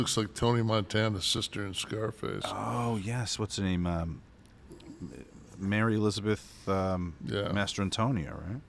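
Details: Adult man; Normal speech.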